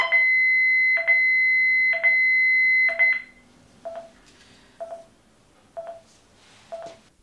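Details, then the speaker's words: Manual defibrillator maintenance test: charged at 50 joules and left about one minute; a steady high tone stops as the device discharges, then regular high beeps about once a second, the undelivered shock alarm. "on charge le défibrillateur et on attend environ une minute on vérifie que l'appareil se décharge et qu'une alarme de choc non délivré se"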